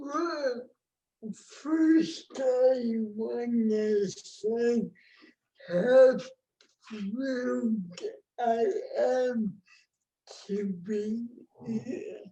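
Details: Adult woman with cerebral palsy, born before the ADA; no speech disorder is named explicitly; dysarthria (cerebral palsy).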